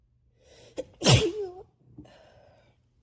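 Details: Person with a head cold, also coughing, with sinus pressure, a scratchy throat and a failing voice: a short inward gasp, then one forceful sneeze and a quieter breath after it.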